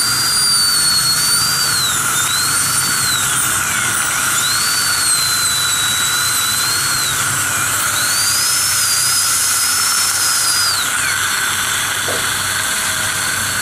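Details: Continuous high-pitched whine rising and dipping with load over steady suction hiss: high-speed dental handpiece cutting tooth during crown abutment preparation using a gingival protector.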